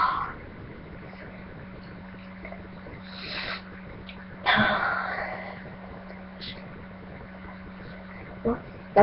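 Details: A person feeling very sneezy gives a loud, sudden burst of air around mid-clip, a sneeze, over a steady background hum.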